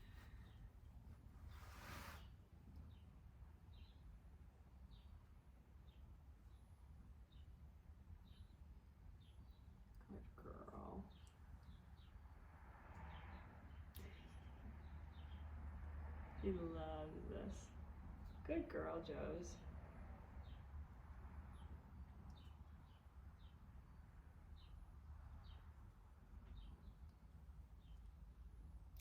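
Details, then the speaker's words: Horse relaxing during cold laser therapy for back pain, resting a hind leg, breathing slower and deeper: bubbling, wavering belly gurgles over low rumble and steady ticking; normal borborygmi (bowel gurgling). "you hear her belly gurgling too? She's got her little nostrils flaring."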